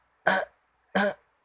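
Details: A playful fake cough from a baby said to be 5 months old: two short, deliberate cough-like bursts, not a sign of illness.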